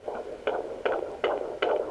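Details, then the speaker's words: Fetal heartbeat at 18 weeks 3 days on a Sonoline home fetal Doppler with gel on probe and belly, found within seconds: rapid, regular, strong whooshing pulses at about 151–165 beats per minute. "there it is I hear the heartbeat 165 151 so it's definitely really fast sounds so strong"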